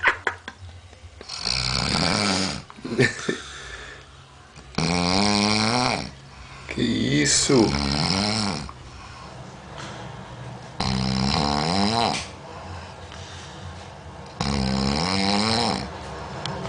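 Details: Sleeping person heavily snoring: loud, rattling snores with a deep vibrating tone, about four breaths heard, each followed by a quieter exhale; snoring.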